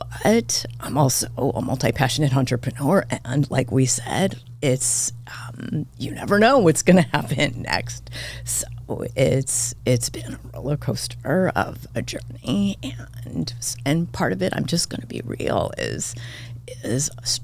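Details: Adult woman diagnosed this year with spasmodic dysphonia; vocal cord spasms make her voice cut in and out, sometimes hoarse; she attributes it partly to voice overuse as a podcast host and to stress; real, seemingly occurring during interview; spasmodic dysphonia.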